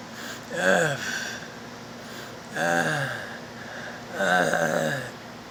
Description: Sounds of stridor